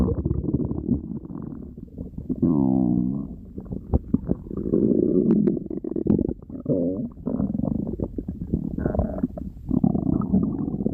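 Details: Tiger's loud stomach growling: drawn-out rumbling and gurgling with low throbbing growls from the belly. These are borborygmi, a normal digestive sound.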